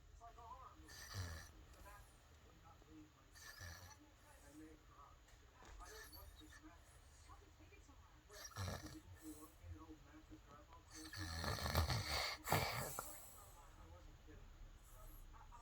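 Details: Snoring: intermittent low, rough snorts about every 2.5 seconds, louder and longer near the end, over steady room noise.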